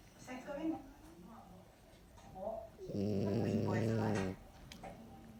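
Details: Dog snoring during sleep: a loud, low, rumbling snore with quieter breathing sounds around it; owner first thought it was the husband snoring.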